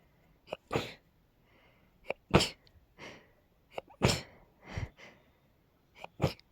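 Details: Rapid sneezing fit in a girl, attributed to pollen: four quick sneezes in a row, each with a short intake before a sharp burst.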